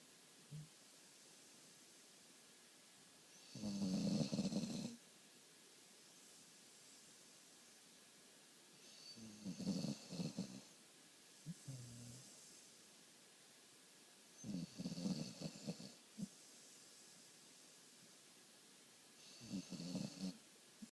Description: Can't believe how loud he snores